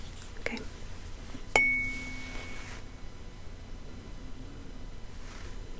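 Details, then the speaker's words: Soft tap, then steady ringing tuning fork tone fading over about a second, quiet room; ASMR role-played ear exam, fork moved ear to ear, hearing reduced in left ear versus right. "I had to get a good bit closer before you could hear the vibrations from it in your left ear as opposed to your right"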